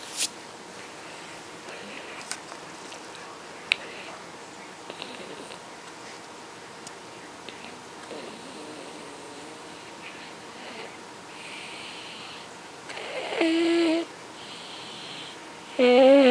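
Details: An infant with glossoptosis wearing a chin strap to hold the chin up: faint breathing in a quiet room, then brief high-pitched, musical noisy breaths of stridor persisting despite the strap.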